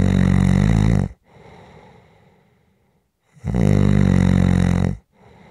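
Loud, rough, low snores on the in-breath, two in about five seconds, each followed by a quiet breath out: ordinary heavy snoring.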